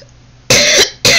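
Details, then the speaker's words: Day two of COVID-19 in an unvaccinated adult with fever that comes and goes, oxygen saturation around 95–96%, and a usual sinus cough: two short, sharp coughs in quick succession from a productive cough. "right now that's the only the only symptom i have is the fever that comes and goes the cough which i am keeping productive"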